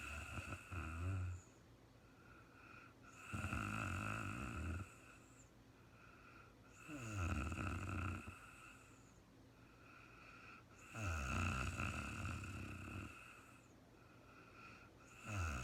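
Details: Real-time recording of a sleeping woman, no talking: slow, rhythmic snores with a buzzing rattle on breathing in, about 16 breaths a minute, over steady room hum; snoring during sleep.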